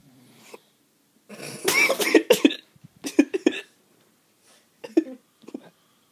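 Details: Adult man (father), filmed to prove his snoring: a burst of several harsh coughs with throat clearing, then a few weaker single coughs in a quiet room; coughing.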